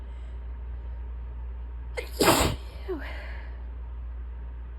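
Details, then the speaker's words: Adult on a heavy allergy day with very swollen nasal passages, after tickly buildup and nose rubbing, takes a short indrawn breath, then one loud, explosive sneeze and brief exhale over low room hum; sneeze. "I'm gonna sneeze. Oh. That was weird. Are we done? Or do we have more sneezes?"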